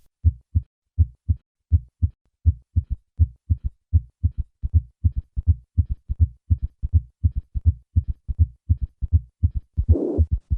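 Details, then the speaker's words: Mitral regurgitation with both a third and a fourth heart sound: heartbeat around 80 a minute with extra low filling sounds and the regurgitant murmur. "Listen once again to a patient with both a third and a fourth heart sound and mitral regurgitation."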